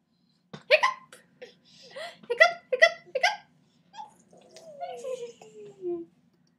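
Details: 17-month-old child with hiccups: several abrupt voiced catches in quick succession, mixed with giggling, then a falling vocal sound; hiccups with laughter.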